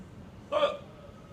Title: Mr. Hiccup Guy